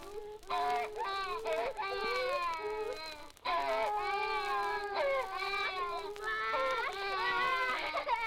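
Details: Several babies crying together in loud, wavering, high-pitched wails with brief breath breaks, recorded in a nursery. Archival sound-effects record, digitized at 78 rpm; normal infant crying.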